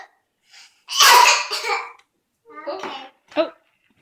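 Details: One of two coughing young girls: a loud child's cough, then two shorter coughs a moment later, in a quiet room.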